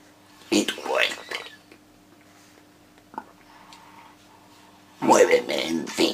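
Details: Male reciting a sonnet as an esophageal voice exercise; esophageal speech.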